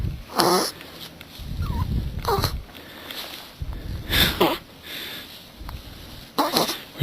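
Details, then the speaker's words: Newborn dog making sharp, repeated hiccup jerks, about four in seven seconds, with soft breathing between; she's trying to get rid of them; hiccups. "it's so sad though she's trying to get rid of them hiccups but thought it'd be cute to film her hiccupping"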